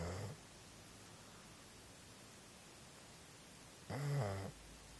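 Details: Sleeping dog: two short, low, throaty snores about four seconds apart over steady background hiss; snoring.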